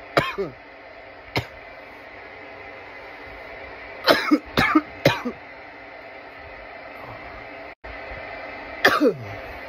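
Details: Coughing fits after smoking from a bong: several harsh, dry cough bursts in short fits over steady room noise; irritant cough.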